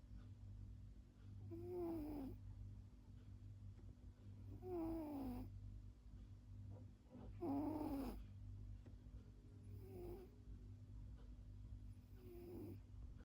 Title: cat sleeping snoring video‼️